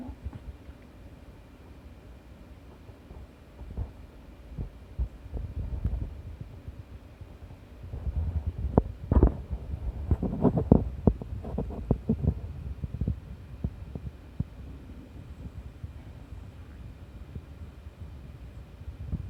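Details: Bowel sounds (stomach rumbling) from an adult owner's abdomen, with low irregular gurgles and rumbles of ordinary digestion, heard by her cat with FIP, receiving MUTIAN treatment on day 68 of 84, which sleeps listening to them.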